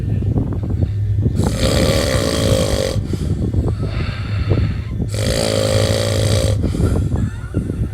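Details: Two loud, long rattling snores with a low fluttering buzz on each inward breath over a steady background hum: snoring.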